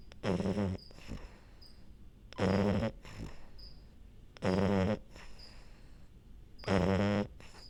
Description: Minty the French bulldog falling asleep and snoring